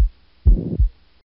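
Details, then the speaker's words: Holosystolic murmur best heard at the tricuspid area, harsh and filling all of systole between S1 and S2; a VSD murmur that, unlike tricuspid regurgitation, does not radiate to the axilla. "anytime you hear a whole list of Stalag murmur and the tricuspid area you need to be concerned about either a VSD or tricuspid regurgitation"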